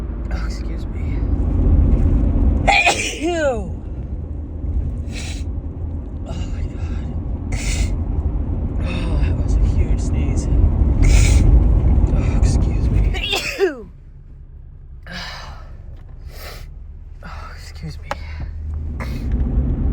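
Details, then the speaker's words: Woman with repeated sneezing in late March, suspected grass pollen allergy, remarking how big they are: two loud, harsh sneezes, each after a rising gasp, plus short sniffs over steady rumbling background noise. "Oh, I think I have to sneeze again. Oh, God. Oh, excuse me, they're so big."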